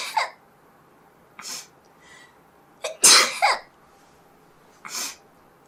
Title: Kanari's sneezing(sample)